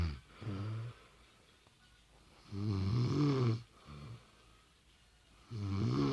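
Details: Snoring from a woman asleep in bed: low, rough, fluttering snores on each in-breath with quieter out-breaths, about 20 breaths a minute.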